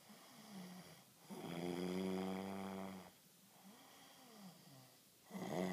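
A long rattling snore on the in-breath, then a quieter out-breath and the start of the next snore.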